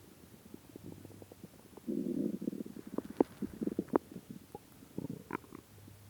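Gurgling, bubbling rumbles and squeaks from the belly in bursts over several seconds; hunger stomach growling, a normal sound.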